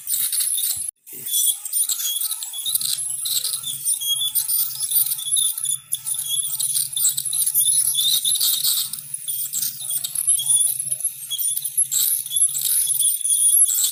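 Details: Continuous high-pitched hiss and whine with water spray and faint clicks as an ultrasonic scaler removes tartar during professional dental scaling; ultrasonic dental scaler.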